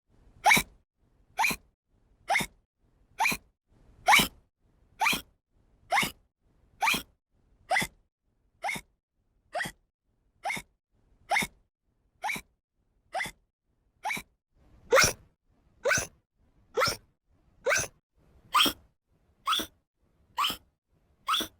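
Repeated short sharp gulping bursts, about 17 a minute, fairly regular; hiccups from a sound-effect recording.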